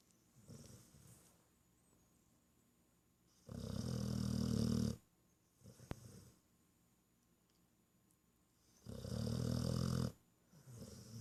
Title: Sleep (and snore) with one eye open ...